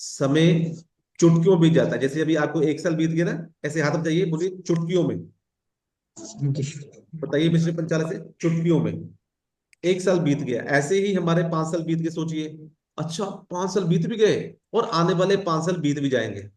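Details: Adult man speaking Hindi; fluent speech.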